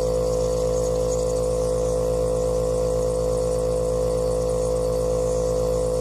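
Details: Compressor nebulizer running: loud, steady mechanical hum with fast, even pulsing.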